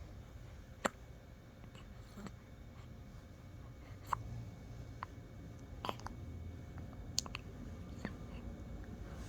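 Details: Short, sharp hiccup clicks recurring every one to two seconds over a quiet room hum; ordinary hiccups.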